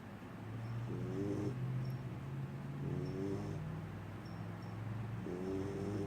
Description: My puppy snoring... she's so cute :)